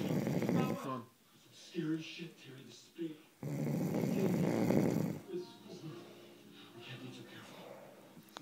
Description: Loud snoring deserves punishment